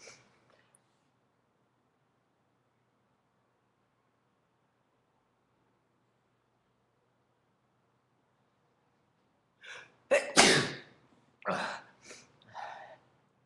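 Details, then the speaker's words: Sneezes deliberately induced by tickling the nasal passage with a paperclip, aiming for five sneezes: long quiet, then a quick run of one strong explosive sneeze followed by a few smaller ones. "okay I'm go for five I fa okay oh God that was five sneezes in about in minutes and a half"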